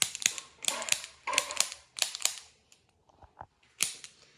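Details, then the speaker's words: Bursts of rapid sharp mechanical clicks with short pauses from a handheld chiropractic adjusting instrument ("clicker"), used during Webster technique care of a pregnant woman whose baby is breech, after a leg-length recheck. "I'm going to also use my clicker. So you're just going to feel some clicks."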